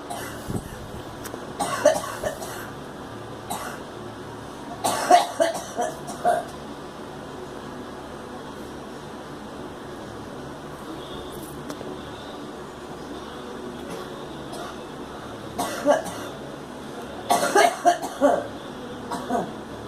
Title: Girl coughing